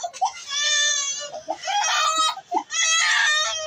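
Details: Infant a few months old crying in fear during her first haircut. Loud, high-pitched sustained wails broken by short catching breaths, about one cry a second. Ordinary distress crying.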